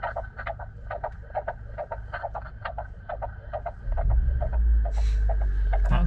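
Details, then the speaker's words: Rapid, regular whooshing fetal heartbeat at about 136 beats a minute, heard in a moving car, with engine rumble rising partway through. "yeah it just didn't just rev like halfway through that was the engine kicking him so yeah there's the baby's heartbeat"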